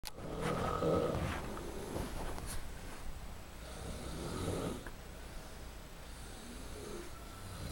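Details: Several men sleeping in a room in a Korean farm home snore loudly, with low, rumbling, rattling snores over steady background room noise.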